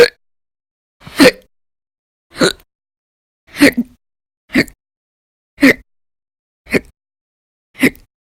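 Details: Audio-only recording of violent, very loud persistent hiccups, in daily bouts lasting about 10–13 hours in December 2019: abrupt hiccup sounds roughly every second, about 50 a minute, separated by silence.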